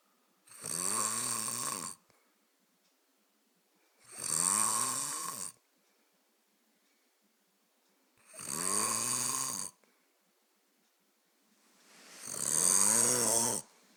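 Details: Snoring: loud, buzzy snores on each breath, four in fourteen seconds, about 16 breaths a minute, with quiet pauses between.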